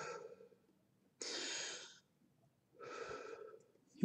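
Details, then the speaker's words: Two clear, unhurried breaths, in then out, with a regular rhythm, demonstrated by a lecturer as the good audible breath sounds heard with a stethoscope: normal breathing. "you want to hear good audible breath sounds as you're listening to somebody with a stethoscope you want to hear them breathe in breathe out"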